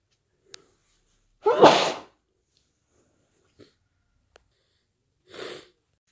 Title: stuffy cold sneezes and blows